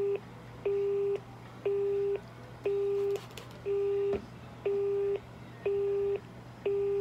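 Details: Transtelephonic ECG recorded from a dog: steady, evenly spaced electronic beeps at about 60 a minute, the ECG signal sent over a phone line.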